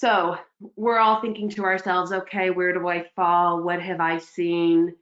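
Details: Adult woman speaking; Normal speech.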